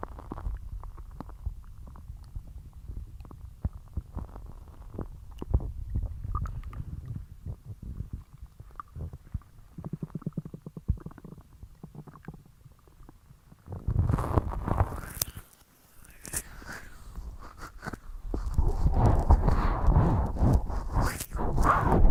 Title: Stomach Noises #2